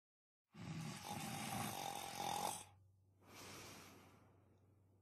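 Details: A long, harsh, rattling snore on the in-breath, then a softer breath out, in a demonstration of a nasal pressure snoring aid meant to open nasal passages; snoring.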